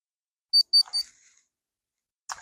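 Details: Bluestone automatic wrist cuff, held over the heart, feet flat, in an adult on blood pressure medication: three short high beeps then a faint click signalling a completed reading; reading 152/61.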